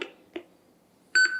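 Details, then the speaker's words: AED in a first-aid training scenario: after "shock advised" and charging, short electronic beeps then a steady high tone signal it is charged, prompting a press of the flashing shock button. "do not touch the patient stand clear shock advised charging press flashing shot button"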